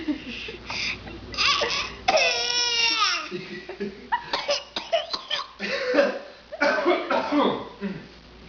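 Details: A young boy imitating his father's coughing with forced, deliberate short coughs, trying so hard his face turns red, mixed with a high squeal and giggly sounds.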